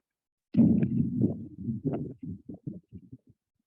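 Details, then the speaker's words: Mitral regurgitation murmur teaching recording: low heart sounds with a steady pansystolic murmur whose pitch does not change throughout systole. "what you should be noticing is that the pitch of sound does not change throughout systole it is throughout Sicily"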